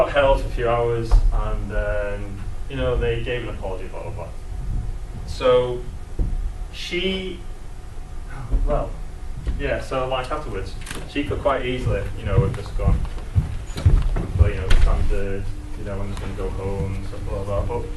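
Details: Adult male who describes himself as a person who stammers, stammering for as long as he can remember since childhood; stammering.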